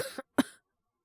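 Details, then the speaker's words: Simulated cough, all acted by a male voice actor playing a young man with a cold and low fever of 36.9°C: two short coughs, the second sharper. "すいません。ご覧の通りっていうか、お聞きの通りですかね。ちょっと咳出るようになっちゃって。"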